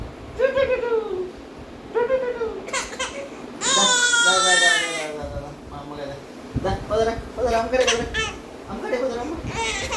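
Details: Intermittent wailing cries broken by short pauses from a baby girl playing with her dad, as an adult speaks to her in a small room; infant crying.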